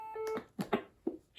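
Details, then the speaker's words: AED trainer in a CPR demonstration, after shock advised for a shockable rhythm: short steady tone then quick electronic blips signalling shock delivered. "the AED detects heart activity that can be corrected with a shock, it will tell you to make sure no one is touching the patient and to press a clearly labeled shock button."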